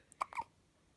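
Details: Hiccups at 17 days old: a few short, sharp, squeaky, toy-like catches in quick succession.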